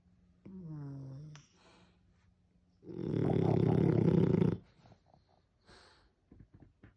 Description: french bulldog snoring war!!!!!